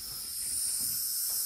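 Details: Steady high-pitched hiss of oxygen flowing from a home oxygen tank regulator set to flow 2, before the nasal cannula is attached.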